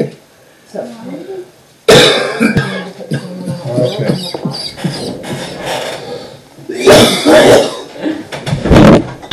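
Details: Repeated harsh, forceful cough bursts mixed with voice and room noise from an adult man with a days-long chest cold, coughing that made him faint and fall from his chair: cough syncope.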